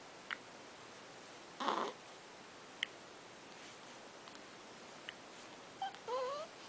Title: boo boo with the hiccups